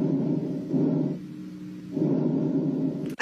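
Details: Normal breath sounds of healthy lungs heard through a stethoscope: soft, low rustling airflow rising and falling with a brief quieter pause between breaths, no wheeze or crackles.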